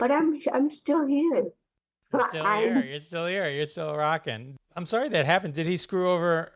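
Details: Adult man speaking, with a brief higher voice at the start; typical speech.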